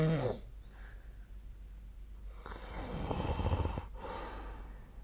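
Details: Snoring during sleep on 2025/02/18: a low, rumbling snore on a slow breath in, heard against steady room hum.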